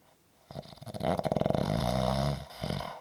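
A loud, rattling snore on the in-breath lasting about two seconds, followed by a quieter breath.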